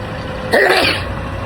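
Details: Stifled burst: a brief, harsh, held-back burst from the throat, like muffled throat clearing or a held-back sneeze, over steady background hum.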